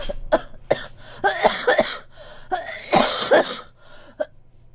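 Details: Girl coughing during a Korean PUBG gaming voice chat: about eight short, sharp, dry-sounding cough bursts with brief gaps, some clustered.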